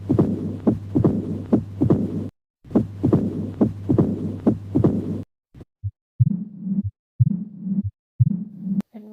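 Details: Heart sounds at about 70/min through a stethoscope, with a low rumbling murmur between beats; described as mitral valve stenosis, mild disease.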